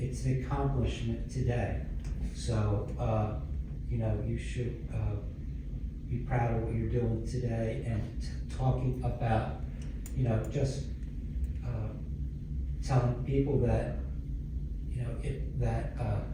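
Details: Stroke survivor with aphasia from a stroke about 11 years earlier, speaking English; aphasia.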